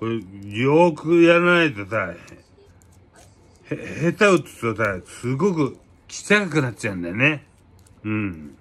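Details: Japanese-speaking adult with aphasia after a cerebral hemorrhage, with hemiplegia.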